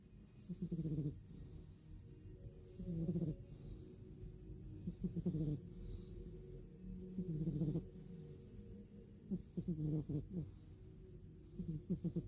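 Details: Loud, low, buzzing snores in a steady rhythm, about 27 a minute, from a sleeping cat, loud enough to wake the owner: cat snoring.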